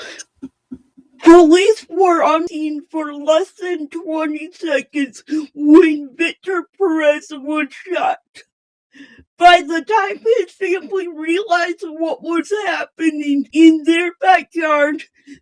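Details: Host with a self-stated speech impairment; speech impairment.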